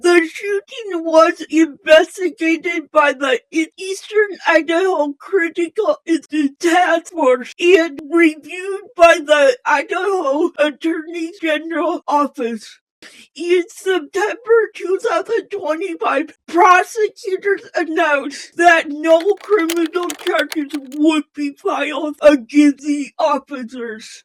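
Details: Female host with a self-stated speech impairment; speech impairment.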